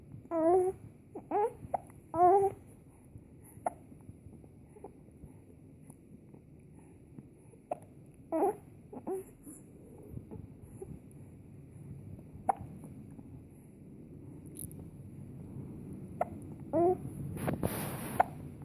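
Brief, sharp voiced catches recur at irregular intervals among soft baby sounds in a quiet room; infant hiccups.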